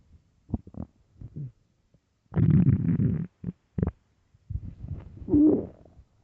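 Low gurgling and rumbling bursts, some longer and louder, from an adult's belly: ordinary stomach growling, bowel gas and fluid moving.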